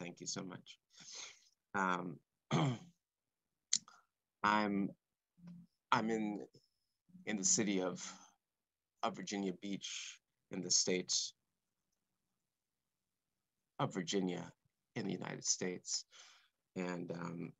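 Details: Stuttering in an adult male composer, present since about age four or five, involving blocks and repetitions.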